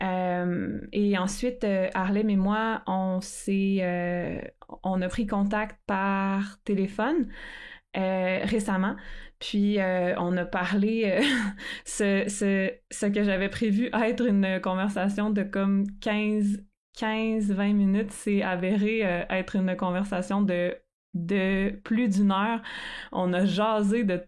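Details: Real stuttering in an adult woman who stutters and is a master's candidate in speech-language pathology.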